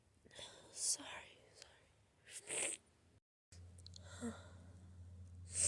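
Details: Sneezes from a cold: breathy build-up intakes followed by two sharp, hissing, powerful sneeze bursts, then a brief break and hum in the recording.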